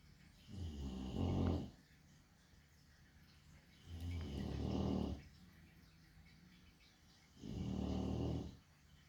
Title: Just 4 minutes of a chonk dog sleeping with occasional snoring